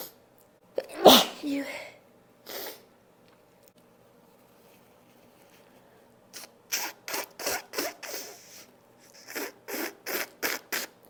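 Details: One loud, forceful unstifled sneeze, then a pause and a run of quicker, softer sneezes, none held back.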